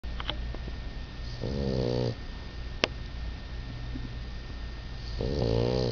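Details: Hugo snoring, tired out after playing with a dog: two rumbling, buzzing snores on breaths in, quiet breathing between, faint steady room hum; ordinary snoring.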